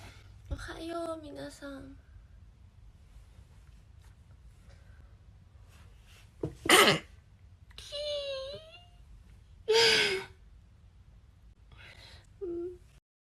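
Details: Japanese girl sneezing: two sharp, explosive sneezes, each with a voiced lead-in breath, plus a few short voiced sounds in a quiet room.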